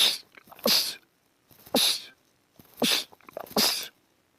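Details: Sneezing from a compilation of men's rapid sneezing attacks: four sharp, explosive sneezes in quick succession, each preceded by a brief inhaled build-up.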